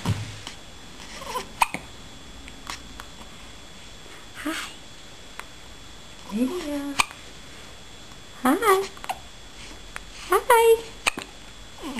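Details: Infant hiccups in a quiet room: several sharp, brief catches at irregular intervals, mixed with soft infant vocal sounds.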